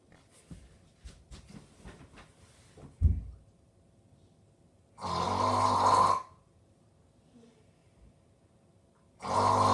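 Loud, harsh rasping snores on inhalation with long quiet gaps between, after some soft rustling; typical snoring.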